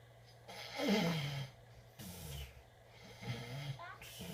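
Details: Low, rough snoring from a sleeping adult, mixed with an infant's babbling while he plays in his crib, over a steady background hum: ordinary snoring.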